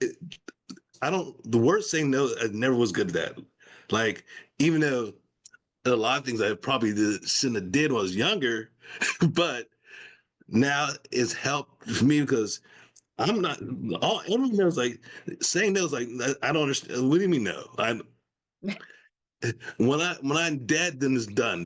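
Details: Adult man with aphasia after a stroke, in ongoing recovery, speaking in conversation; aphasia.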